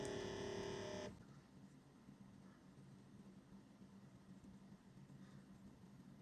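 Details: Automatic upper-arm blood pressure monitor with Thai voice output: short electronic tone then quiet steady motor hum as cuff inflates; reading 57 mmHg diastolic, pulse 70/min, reported normal.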